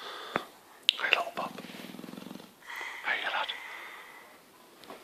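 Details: Sleeping dog (bulldog, staffie or yorkie) gives a brief fluttering, buzzing snore with faint room noises around it; snoring.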